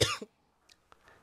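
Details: Cough.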